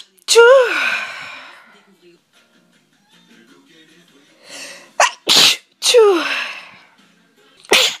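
A run of about five sneezes, some with a voiced cry and some short and sharp, separated by quiet pauses.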